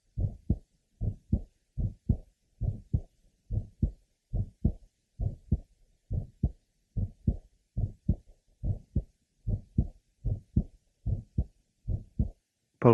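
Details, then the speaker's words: 15-year-old asymptomatic girl with congenital bicuspid aortic valve, third left sternal border: regular heartbeat with crisp early systolic ejection sound still well heard, plus grade 3 somewhat musical aortic systolic murmur; aortic ejection sound with systolic murmur. "the ejection sound is still well heard here in addition to the aoic systolic merma"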